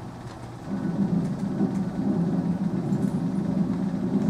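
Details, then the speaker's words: Continuous machinery murmur of patent ductus arteriosus: a washing-machine-like noise in the chest that is hard to localize over the valves and gets louder at the thoracic inlet. "you might miss these guys because it sounds like a bunch of noise in the chest but you can't really localize it because it's not a sort of sound it actually sounds kind of like a washing machine that's just running in the background"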